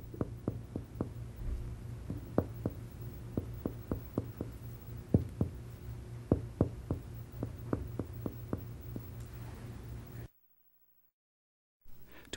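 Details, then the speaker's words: Adult patient lying supine and breathing normally; anterior chest percussed downward from resonant lung to liver dullness to find the level of the right diaphragm. "if you want to check the level of the right diaphragm anteriorly percuss from resonant lung downward to liver"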